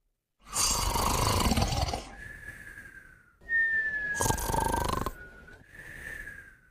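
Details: Two sleeping pets: two rough, noisy breath sounds with thin whistling tones on the out-breaths. Snoring with nasal whistling.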